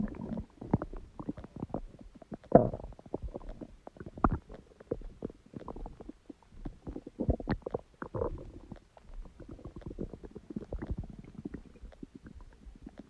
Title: Stomach sound and noise | My Stomach Makes Noises